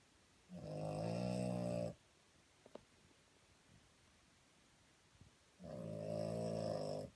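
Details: Two loud, buzzing snores about four seconds apart, separated by a quiet exhale, from a sleeping dog in a small room; snoring.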